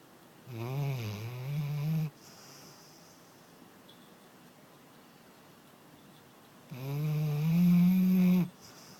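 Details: Snoring: two long, loud, low snores with a buzzing, rising pitch, separated by a quiet pause.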